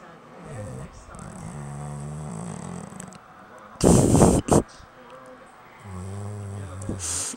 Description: my dog niko is sleeping a little too hard... sorry for the annoying laughing.